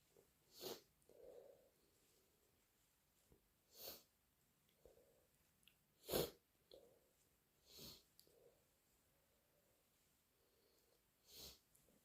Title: Morning thick, snotty cold blows and a few messy sneezes